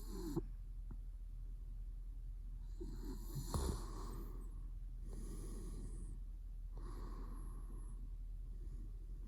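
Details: Repeated soft snoring breaths over a steady low hum from a sleeping adult man during REM sleep, with mouth twitching; he woke himself up when his eye opened fully; snoring.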